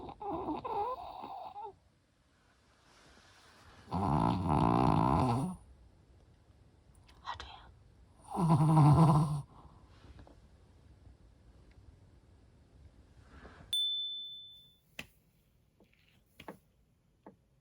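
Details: A sleeping dog gives loud, rumbling snores every few seconds with quiet breathing between: snoring.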